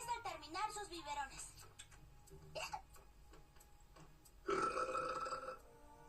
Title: burp compilation 88